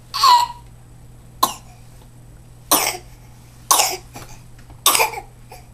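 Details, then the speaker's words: Infant in a highchair gives about five short, separate coughs over six seconds, with a faint steady hum behind. "that's a cough"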